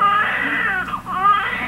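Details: Strong, clear, vigorous cry with a brief pause for breath from a newborn boy right after cord cutting at a children's hospital; everything looked normal.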